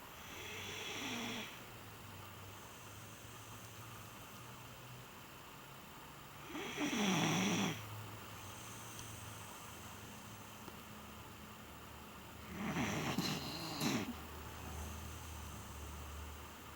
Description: When my dog Pepsi is sleeping, she sleeps like a little person. Listen to her snoring.